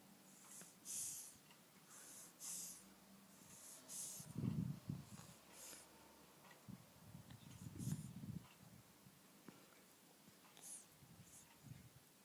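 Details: Young baby breathing heavily in sleep: irregular snorting, snuffling breaths with some soft whistling noise, about eighteen a minute; snorting during sleep.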